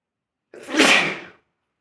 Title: Sneezing And small fart